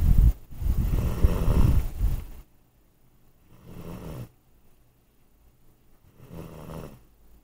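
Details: Low rumbling ordinary sleep snoring: one long noisy breath followed by two quieter ones, with pauses between.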